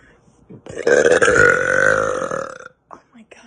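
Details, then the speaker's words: Girl trying to get a burp out, which she says happens all the time, possibly easier if she stands: a loud, drawn-out, rough, rattling burp of about two seconds, then soft breaths. "trying to get burp out this happens all the time this is terrible halfway maybe if I stand"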